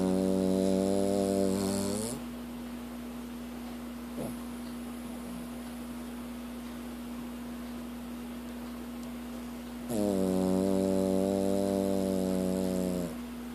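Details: Dog sleeping comfortably: two long, loud, buzzing snores about eight seconds apart over a steady background hum; snoring.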